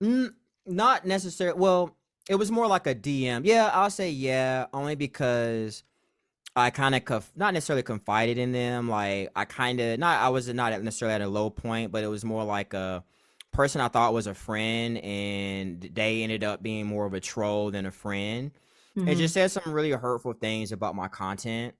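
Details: Adult male; normal speech.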